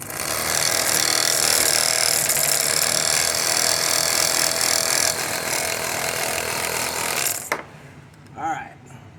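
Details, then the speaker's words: Asthma nebulizer compressor, previously run constantly as an aquarium air pump until its plunger wore out, plugged in to test: loud, harsh, rapid rattling motor buzz that stops abruptly, then brief quiet; nebulizer compressor running. "i'm gonna plug it in and see if it stays on it might just fly off on that hmm it wants to work"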